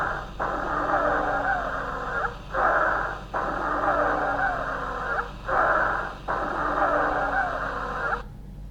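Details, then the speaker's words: Teaching recording of dry rales for medical students: noisy breaths at about 20 a minute with prolonged, dominant exhalations and whistling tones: expiratory wheezes from narrowed airways. "теперь попрошу значит моих коллег мы сейчас вам дадим сухие крипа они очень характерны давайте будьте внимательны пожалуйста"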